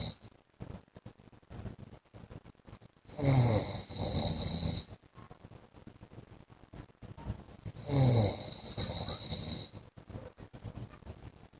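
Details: Adult man (husband) snoring during sleep: two long, loud rattling snores about five seconds apart, with quiet crackly room noise between.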